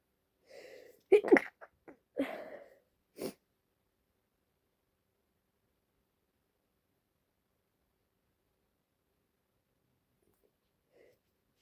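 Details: Female with allergies, congestion and a runny nose: a few quick sneezes with sharp breaths between, trailing into silence as a sneezing fit ends; sneezing.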